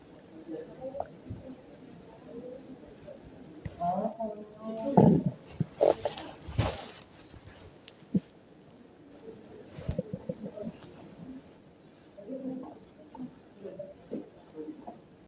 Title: Stomach Noises at Work